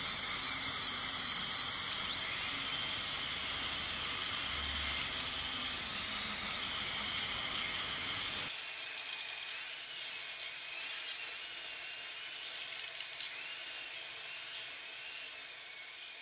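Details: Steady high-pitched whine of an ultrasonic dental scaler, wavering in pitch as it works, with faint room noise; dental scaling by a dentist.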